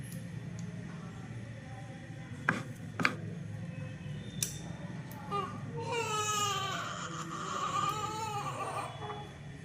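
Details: Newborn during nasogastric/orogastric feeding tube insertion whimpers, then breaks into a rising, strained cry in a small room, with a few clicks and handling noises.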